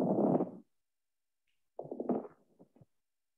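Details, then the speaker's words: Crackles, brief popping, gurgling clicks after a rushing breath sound, from fluid around the small airways, in a pediatric teaching context. "And crackles, we've all heard, is just fluid around those small airways."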